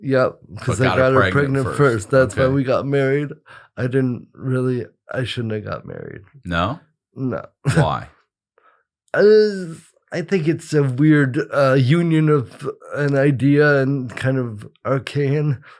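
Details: Adult male with cerebral palsy present from birth, attributed to brain injury or lack of oxygen at birth after an emergency C-section; dysarthria (cerebral palsy).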